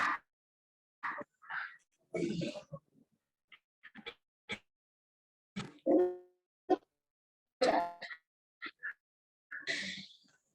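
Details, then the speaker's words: Open pneumothorax from chest trauma: irregular wet bubbling and gurgling bursts with each breath, like snoring through the chest (traumatopnea), an ominous sign of a sucking chest wound. "Eso es una traumatopnea, tal cual como si estuviese allí roncando por los pulmones, ¿ok? Eso no se les puede olvidar, eso es un evidente signo ominoso de un traumatismo de tórax con un neumotórax abierto."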